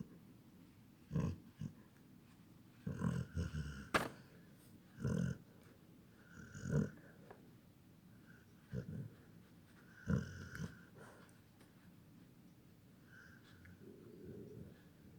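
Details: Irregular short snorting snores from a sleeping dog in a quiet room, much like a person snoring; snoring.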